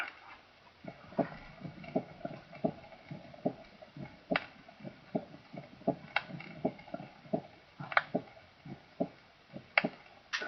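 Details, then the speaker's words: A regular heartbeat near 80 per minute with an accentuated second heart sound, simply louder than normal, with no overtones, harmonics or ringing quality: accentuated S2. "this is simply louder than normal and it has none of the overtones or harmonics"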